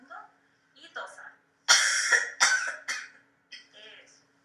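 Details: Cooperative patient performing a voluntary cough during an assisted cough technique in respiratory physiotherapy, with pressure applied to the chest and abdomen: a short breath in, then a few forceful coughs in quick succession.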